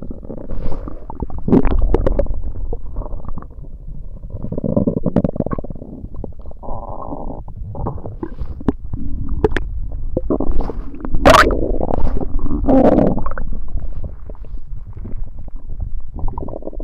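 Irregular low rumbling and gurgling from the belly, coming in waves with bubbly surges: active stomach gurgles (borborygmi) during a tummy ache.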